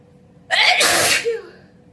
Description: I sneeze loudly and openly in this video. I have the house alone and show off some vocalized sneezes.